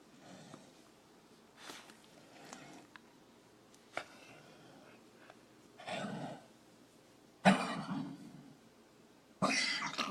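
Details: A Corgi dog gives a few short, harsh coughing bursts, the loudest two near the end, with quiet sniffing between; cough.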